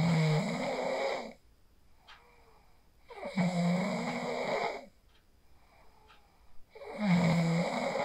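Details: Phone recording of a person sleeping after practising the 4-7-8 breathing technique: three long, buzzing snores at about 17 per minute, with quiet exhalations between. Ordinary snoring.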